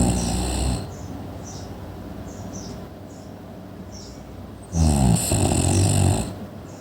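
Loud, rough, low rattling snore sounds at the start and again near the end, separated by a quieter breath with faint room noise.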